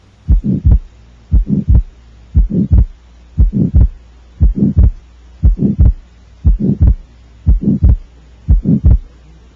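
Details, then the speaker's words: Child with atrial septal defect (left-to-right atrial shunt), heard best at the left upper sternal border: steady heartbeat near 59 a minute, soft systolic murmur and widely split fixed S2. "there's a widely split fixed s2 [Music] this is caused by a left to right atrial shunt we hear it mostly in systole although you may hear a softer diastolic rumble as well"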